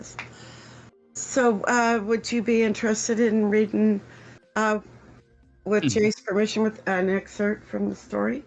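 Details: Adult speaker; typical speech.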